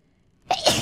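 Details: A VTuber sneezing, a rare event, while playing a horror game: silence, then one sudden loud sneeze with a short sharp burst and a voiced tail.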